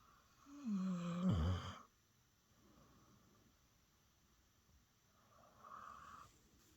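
One loud rumbling snore with a falling tone, then quiet breathing and a fainter snore; snoring during sleep.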